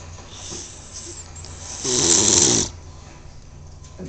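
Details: Man sleeping on a couch snores loudly, described as audible across the land.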